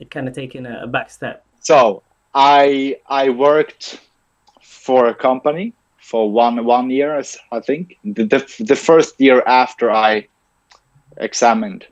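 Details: Adult man with stuttering, in speech-language therapy since age ten and later trained as a speech-language pathologist himself; stuttering heard in an interview.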